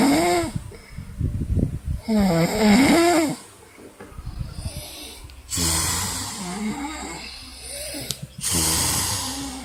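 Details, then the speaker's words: Two people in a playful snoring contest: loud, rough snores alternating between them, imitated rather than during sleep; simulated snoring. "Ngorok Indonesia. Ini yang lebih keras."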